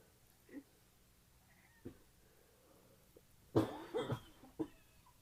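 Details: Painful cough from a recently caught cold: a few short cough bursts with nose blowing, and a female cat meowing faintly in the background.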